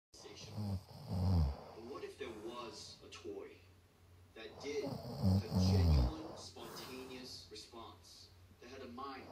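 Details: Adult male (boyfriend) snoring during sleep: deep, rattling snores in slow cycles of roughly two breaths per ten seconds, with quieter breathing between.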